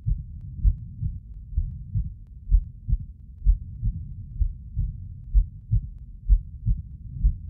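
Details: Thinklabs One digital stethoscope at the pulmonic area: age 38, severe symptomatic rheumatic mitral stenosis, valvuloplasty 18 years earlier, MVA 1.0 cm², mean gradient 6 at rest and 11 on exercise. Regular sounds at about 65 a minute; the diastolic rumble is not appreciated here.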